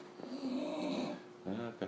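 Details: Bulldog snoring loudly while asleep in a small room: drawn-out, buzzing breaths likened by the owner to a chainsaw.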